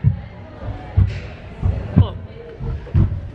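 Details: Steady, deep heartbeat thumps at about 60 a minute, a simulated normal heartbeat played inside a walk-through heart exhibit in a large room; normal heartbeat.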